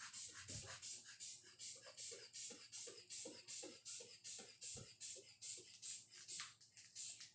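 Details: Manual blood pressure measurement: cuff inflated by bulb pumping to about 170 before deflation; reading about 132/70.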